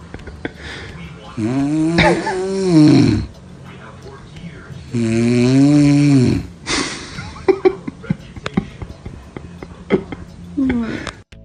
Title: Baby’s not happy with the snoring